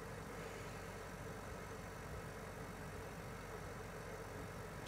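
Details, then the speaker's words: Steady low motor hum and whir of an XNUO Y4 oxygen concentrator with water tank running at 2 L/min, with purity dropping to about 73–78%. "is is already pumping out 1 liter per minute and it's increasing the amount of oxygen is going up now"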